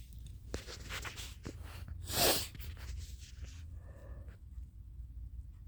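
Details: Nighttime allergy sneezing on third night, allergy pills not yet working, suspected allergen at equine-therapy ranch: a single forceful sneeze after a short run-up of breaths in a quiet room; sneezing.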